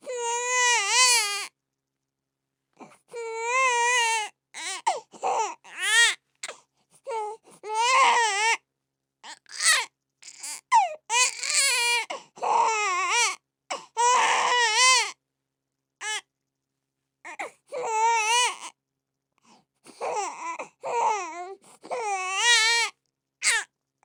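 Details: Repeated high-pitched infant cries in bursts with brief pauses for breath, from a sound-effect recording.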